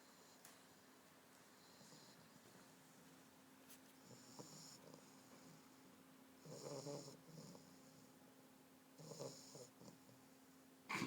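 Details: Snoring from a sleeping English Bulldog puppy: quiet, snuffly snores and snorts with short louder bursts over faint room hum.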